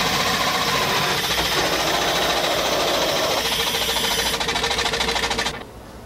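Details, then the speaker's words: Dental casting machine spinning to cast gold alloy after flame melting: loud mechanical whirring with rapid rhythmic pulsing that winds down and stops. "once the machine has come to a complete stop the tray is pulled forward and away from the ring"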